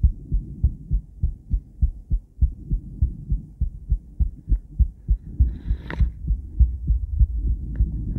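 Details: Heartbeat from a woman's cardiac ultrasound, recorded with a transducer and combined with ECG. Steady, regular low thumping at about 100 beats a minute with a faint hum.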